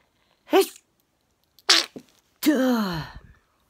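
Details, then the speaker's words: Man with intense sneezing fit causing a painful locked jaw: three sharp, explosive sneezes in quick succession, the last with a drawn-out squeaky tail; repeated sneezing. "i hate it when i get that little jaw i can't talk there goes a loud one so i think i'm finished"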